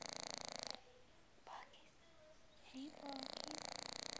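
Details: English Bulldog asleep, snoring with his tongue sticking out as usual: rapid fluttering, rattling breaths at the start and end with a quiet pause between.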